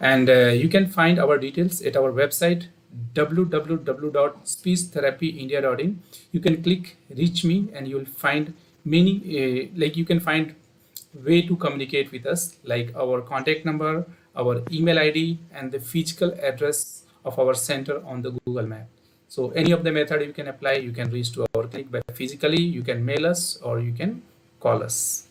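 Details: Adult male speaker; ordinary speech.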